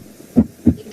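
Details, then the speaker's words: Normal heart sounds in a nursing physical-examination auscultation lesson: one regular lub-dub heartbeat, two clean heart sounds with no added noise between them. "hal ini normal sedang jadi ini bunyi normal Ini sekedar anda tahu aja ya biar Anda minimal untuk apa ya tambah pembelajaran kalau anda ada di lapangan nanti anda bisa membedakan mana bunyi normal dan yang tidak ada"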